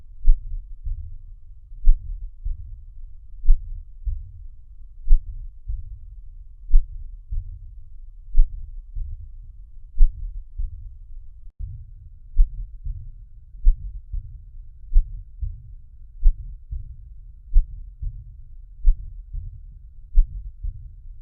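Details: Heartbeats with a soft rushing sound that starts after the first heart sound and ends before the second, a systolic ejection murmur.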